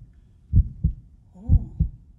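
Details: Stethoscope demonstration in a preschool health song about the heart beating fast and slow; paired low lub-dub thumps, steady and clear, a normal-sounding heartbeat.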